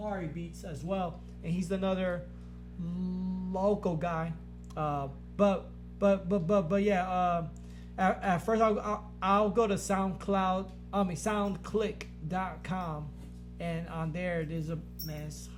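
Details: Man who has stuttered since growing up, much worse after blast-wave brain injury during military deployment; he stutters in conversation but not when rapping; stuttering.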